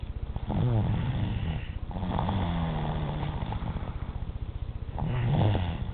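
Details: 3-year-old child snoring at 4:30 a.m., enough to wake the person recording: loud, low rattling snores on long breaths in, with brief pauses between.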